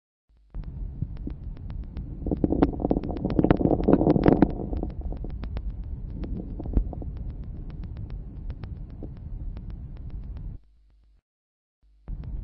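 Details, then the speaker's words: Late inspiratory crackles: many fine, sharp crackles crowding toward and increasing at the end of inspiration, best heard with slow breathing at large tidal volumes. "ils sont nombreux il s'agit de crépitent enfin ils augmentent en nombre et en intensité à la femme d'inspiration ce caractère est mieux perçue lors d'une ventilation à faible fréquence et grands volumes courant il s'observe dans les pathologies de la lgv et hall"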